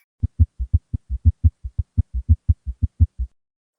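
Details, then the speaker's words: S3 gallop rhythm, an S3 paired with tachycardia as in heart failure: fast, low heart sounds in repeating threes. "now a true gallup rhythm is when s3 is paired with tachycardia and this happens in heart failure it sounds very similar to what i've just played you just a little bit faster and this is due to the tachycardia"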